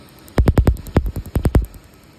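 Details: Laser tattoo removal on a chest tattoo: a rapid series of about ten sharp snapping laser pulses in just over a second; patient declines a break, saying they can definitely feel it now.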